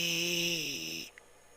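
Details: Female patient after pulsed laser treatment shrank a left vocal cord polyp; vibration improved and air leak reduced, so hoarseness is improved; improved voice after vocal cord polyp laser treatment.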